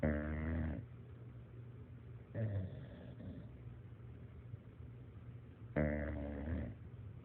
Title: Bull dog snoring